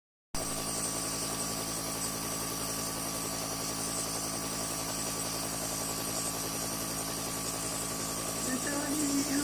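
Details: Nebulizer running during an infant's nebulization treatment: steady, continuous mechanical hum with a fast buzzing pulse throughout.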